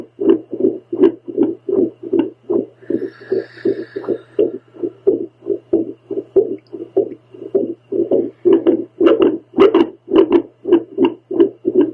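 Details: Adult woman's own heartbeat recorded with a home Doppler while trying to calm it by following a breathing circle: rapid, whooshing pulses over a steady low hum, with uneven strength and spacing, a very irregular rhythm.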